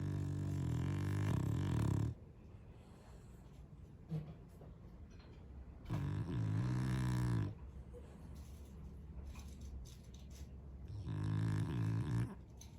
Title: 療癒的打呼聲❤️ snore